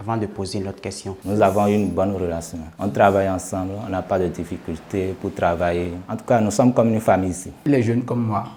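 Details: Adult man speaking French; Normal fluent speech.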